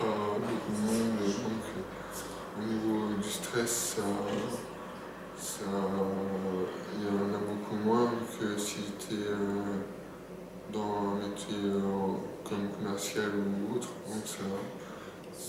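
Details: French-speaking adult who stutters: stuttering.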